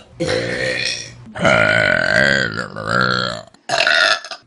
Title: Best Burps From Vine || #25 || August 2015